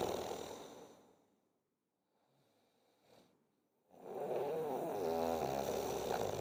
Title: Snoring Sound